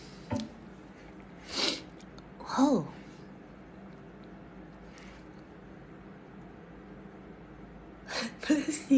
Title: blackpink sneeze